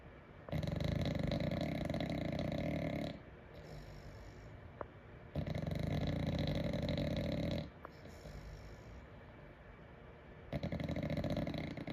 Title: #snoring bulldog